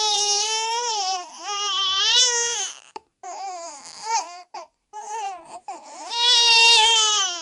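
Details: Infant crying in high-pitched, wavering sustained wails with brief breath breaks between bursts, a Freesound sound effect.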